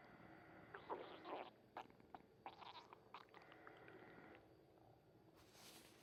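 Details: Soft gurgling and squeaky rumbles of stomach noise over a steady background hiss; ordinary bowel sounds.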